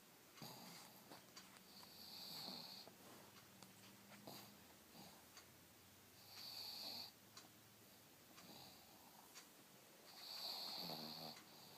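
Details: Awake pug snoring-like stertor: rasping, snore-like noises with each breath, about 15 per minute, while lying around on a lazy day.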